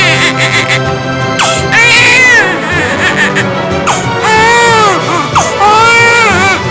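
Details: Newborn girl one day after birth, woken while falling asleep by loud knocking: several rising and falling wailing cries over background music; ordinary infant cry.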